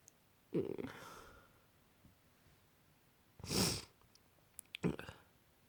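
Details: Sleepy person with a cold: three short, sharp bursts of air in quick succession with small clicks between; a brief sneezing fit.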